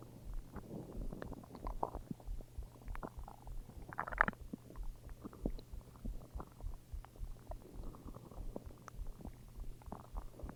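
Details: Low, irregular gurgling and rumbling with bubbly bursts, ordinary stomach growling from gas and fluid moving through the gut; borborygmi (stomach growling).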